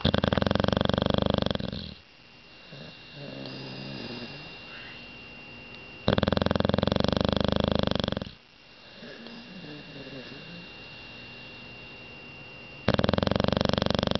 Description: snoring